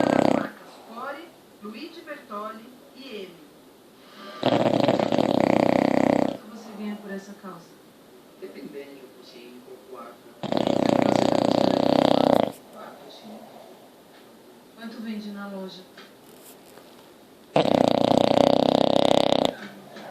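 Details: English Bulldog puppy, 7 months old, snoring loudly: harsh rattling snores, three long ones in twenty seconds, separated by quieter wheezy snorting breaths from a flat-faced dog.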